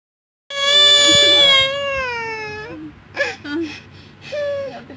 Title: Crying baby😂😂